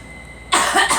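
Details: Girl coughing.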